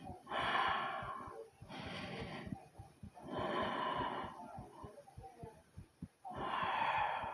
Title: Heartbeat And Heavy Breathing ❤❤❤